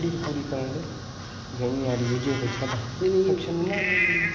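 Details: Short, high, wavering cries in bursts with some room noise from a newborn just born, after vernix cleaning; ordinary newborn cry.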